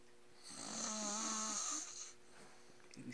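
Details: Loud sleeper passed out and snoring: a single long, high-pitched, whistling snore with a wavering tone, over low room noise.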